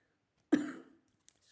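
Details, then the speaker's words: Adult with a troublesome cough, apologizing for it: a single abrupt cough with a voiced tail fading over about half a second; cough. "Excusez-moi, hein. Cette toux, c'est pas possible."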